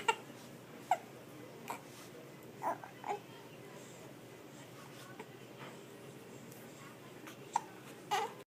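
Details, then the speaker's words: Infant with hiccups: about eight soft, abrupt hiccups roughly a second apart with faint fussing, in a quiet room. "don't like the hiccups?"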